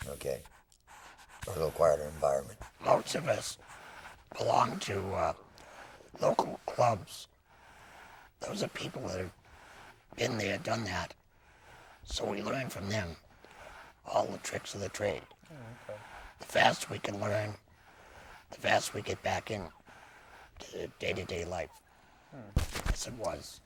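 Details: Laryngectomee speaking through a tracheoesophageal puncture, with lung air passing through a small valve in the throat and up the esophagus; tracheoesophageal speech after laryngectomy.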